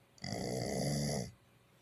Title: my #pittie astro snoring like a human 😂 #pitbull #pittienation #pitbulllove